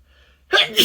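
A single quick, hissing sneeze bursting out after a brief quiet moment.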